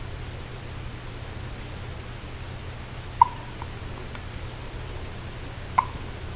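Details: Two sharp, brief hiccups about two and a half seconds apart over a steady low room hum, part of a continuing bout of hiccups.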